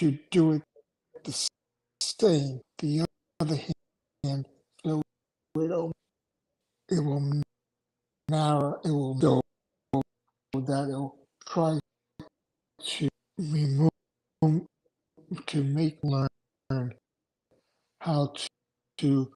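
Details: Aphasia in an adult male after two strokes in November 2017, with short-term memory problems, right-sided weakness, an unusable numb right hand and ten seizures since the strokes.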